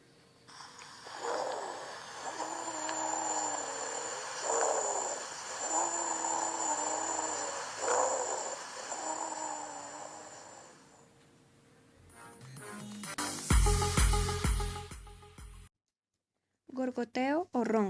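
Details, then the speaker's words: Low-pitched, snore-like continuous sounds with each breath: rhonchi, lower in frequency than wheezes, seen in similar conditions, often reflecting secretions in the bronchi and sometimes palpable on the chest wall. "roncos son de más baja frecuencia que las sibilancias y se producen en situaciones parecidas suenan como ronquidos frecuentemente reflejan la presencia de secreciones en los bronquios"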